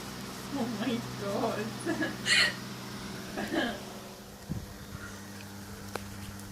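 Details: A girl with hiccups: a sudden, short gulping catch interrupts quiet voices in a room.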